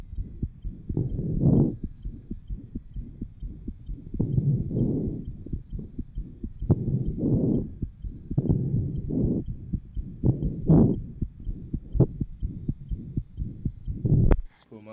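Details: 1955 phonocardiographic recording, aortic area: rapid heart sounds with a rough murmur between beats from an interventricular septal defect, possibly with persistent ductus arteriosus.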